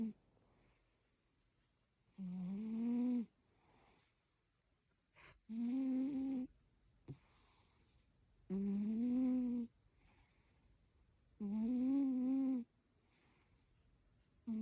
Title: Cat snoring during a wild dream 📣💭♥️